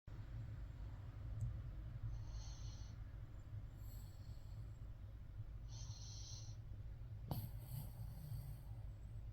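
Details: Sleeping puppy of a breed that snores, volume turned up: steady low rumble with soft, hissy breath noises roughly every four seconds; light snoring.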